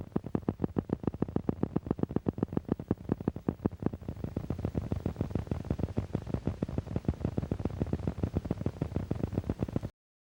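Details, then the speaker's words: Needle EMG of normal motor unit potentials: crisp, regular popping clicks. Normal MUP duration is 6–16 ms and amplitude 0.5–5.0 mV, and fewer than 20% of MUPs are polyphasic. "Polyphasic MUPS with five or more phases make up less than 20% of MUPs. Watch and listen to normal MUPS."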